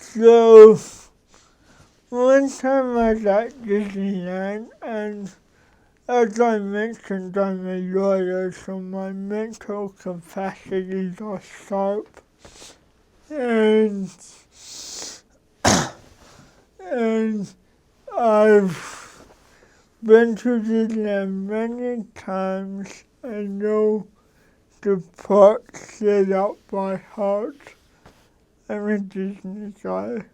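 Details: Adult man with cerebral palsy, a lawyer describing his mental capacities as sharp; dysarthria in cerebral palsy.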